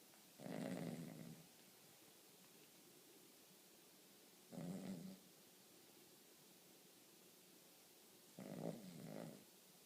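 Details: Sleeping Cavalier King Charles spaniel snoring: three slow, rough, low snores several seconds apart in a quiet room.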